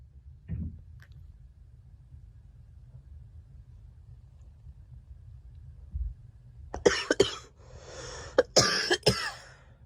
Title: Girl coughing 191